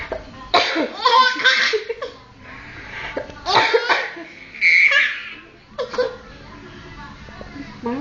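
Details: A person coughing who breaks into laughter: several sharp, harsh cough bursts, some running into breathy, voiced chuckling, so the cough is mixed with laughing.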